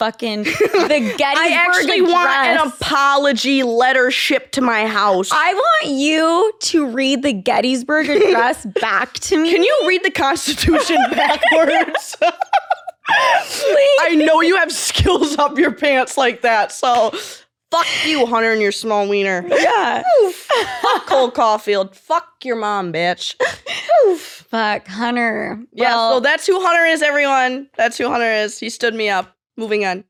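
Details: Vocal tics with coprolalia in a 20-year-old woman with Tourette syndrome, an involuntary motor and vocal disorder finally diagnosed at Mayo Clinic in 2021, with swearing and repeated word tics and tic attacks.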